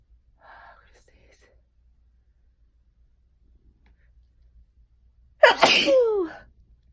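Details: Deliberately induced sneeze: a faint breathy sound, a pause, then one loud explosive sneeze ending in a falling voiced tail.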